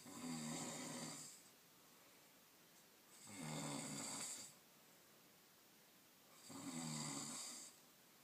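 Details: Nephew snoring in sleep, heard by a roommate who can't sleep; three rough, rattling inspiratory snores, about 19 breaths a minute, with quiet pauses between; ordinary snoring.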